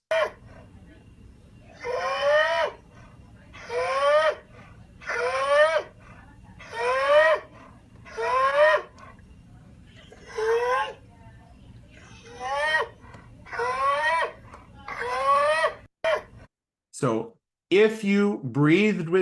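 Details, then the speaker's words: Dog in respiratory distress with an obstructive pattern, putting more effort into breathing in than out: inspiratory stridor, a sound that localizes to the laryngeal apparatus. "The sound you heard with this dog is called stridor, which references the laryngeal apparatus."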